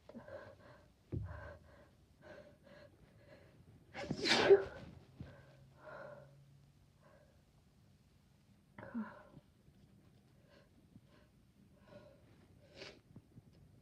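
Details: Female sneezing with allergies plus induced sneezes: several quiet breathy catches build up to one forceful sneeze near the middle, followed by sniffs and a smaller burst.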